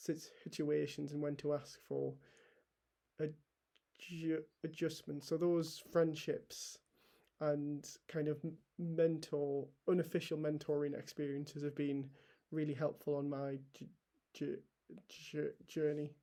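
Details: Stammering (stuttering) in an adult male NHS paediatric trainee doctor who has stammered for as long as he can remember and stammers openly rather than swapping words or avoiding situations; a repetition is heard.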